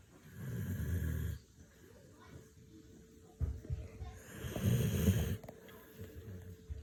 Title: snoring